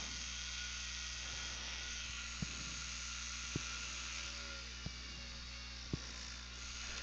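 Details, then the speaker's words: Simulated oral surgery on a 3D-printed model: a high-speed dental drill gives a continuous high whine, low hum and sharp clicks as it begins sectioning tooth #3, a first permanent molar, before the root tips are removed. "we're going to go ahead and utilize our talents now what we know to remove it there we go so I'm going to first of all section the"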